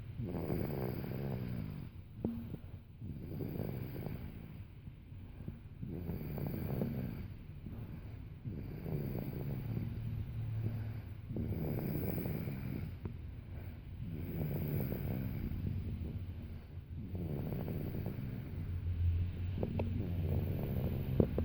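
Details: Deep, rattling snores recurring with each breath, about 20 breaths a minute, in a quiet room; snoring.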